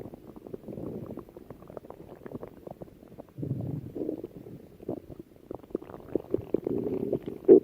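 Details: Low gurgling, bubbling rumbles from the belly, continuous and irregular; borborygmi (stomach growling).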